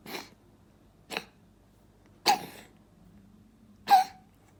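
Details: Four short, dry hacking bursts about a second apart, some ending in a brief squeak, from a dog coughing while playing.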